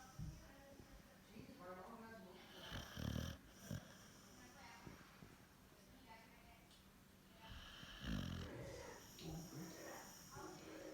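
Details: Dog snoring: low, rough snorting breaths recurring every few seconds over quiet breathing during sleep.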